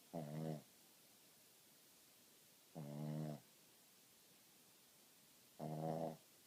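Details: Soft, buzzing snores at regular intervals, about 22 breaths a minute, from a sleeping dog in a quiet room; snoring.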